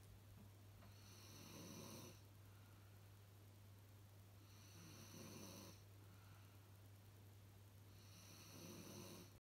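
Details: Three slow, rough snores about 3.5 seconds apart, roughly 17 a minute, over a steady low electrical hum; ordinary snoring.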